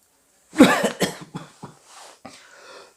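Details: Acted scene of a man with a lingering cold, headache and muscle aches, with cough: a run of several wet, harsh coughs fading into throat clearing.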